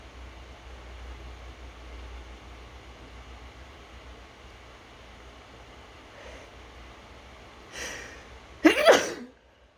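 Quiet room noise, then a short in-breath and a single loud, explosive sneeze near the end.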